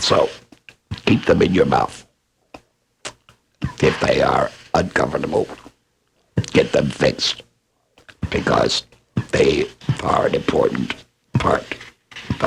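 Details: Adult laryngectomee speaker; esophageal speech after laryngectomy.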